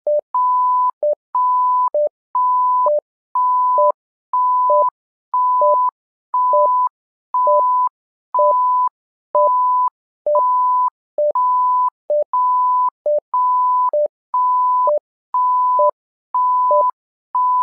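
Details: Simulated patient monitor (SimMon simulator): regular repeating two-pitch electronic alarm tones, about one per second.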